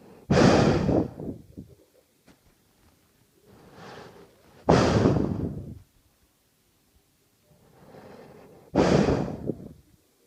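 Loud rough rattling breaths in, each followed by a softer breath out, about 14 a minute: snoring.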